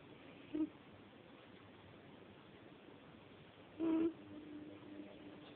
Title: snoring